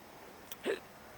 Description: I can't seem to shake the hiccups so I made the film with them.